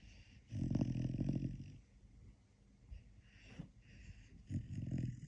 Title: Snoring part 1.